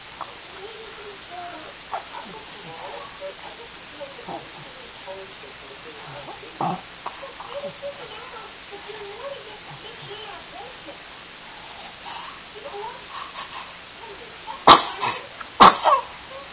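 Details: Quiet room with faint voices, then two sudden, sharp, explosive bursts about a second apart from a baby: two sneezes.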